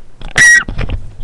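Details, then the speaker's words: Deliberate belch: a single short, loud, raspy burst from the throat, a normal release of swallowed air. "Hang on. I got another burp. Okay, she has another"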